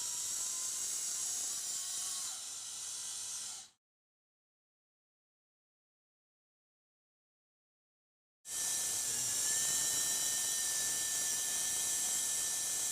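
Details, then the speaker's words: Surgical power drill overdrilling the cortex under the plate with a 3.5 mm bit for interfragmentary compression, during fixation of a bicondylar tibial plateau fracture (41C3) with a 3.5 VA LCP proximal tibia plate: high-pitched whine, silent gap, then drilling again. "Additionally, in order to achieve interfragmentaryary compression, the cortex under the plate must be over drilled with a 3.5 mm drill bit."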